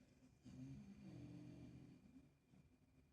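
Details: Low, rumbling snore from a sleeping dog in the background, with soft room noise and kittens nearby; ordinary dog snoring.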